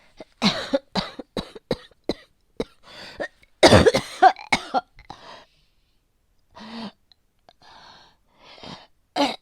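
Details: Worsening cold with asthma/bronchitis tags, unknown infection, yellow-green sputum, coughing that won't stop and keeps her awake at night: bouts of harsh, repeated, rattly, phlegmy coughing with throat clearing and spitting up phlegm; a wet, productive cough.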